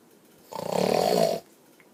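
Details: Father snoring next to his young child; one loud rattling snore of about a second with coarse buzzing vibration during the breath: snoring.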